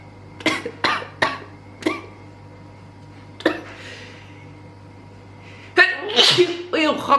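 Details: Girls sneezing during a Covid-19 PCR nasal swab test: several abrupt sneeze bursts, then a louder one, over a steady background hum, set off by the nasal swab.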